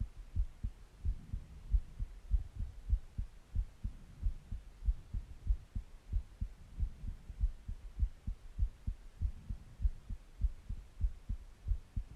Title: Heartbeat Sounds And Breathing Sounds